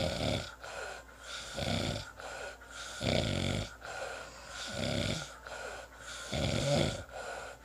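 Repeated rough, rattling breathing noises with each breath, about six cycles, consistent with snoring.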